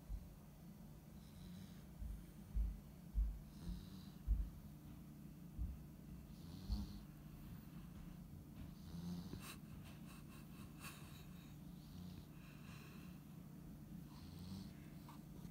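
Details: Tired Husky puppy asleep: short, low snorts and snuffles in an uneven run early on, then quieter breathing; snoring and snorting.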